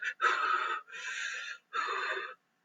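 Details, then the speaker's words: Adult imitates an irregular paediatric breathing pattern for teaching: uneven, noisy breaths of varying length with pauses, fast and slow. "anyway if a patient has irregular breathing something's up if a patient has lots of gasping something's up if a patient goes fast and slow"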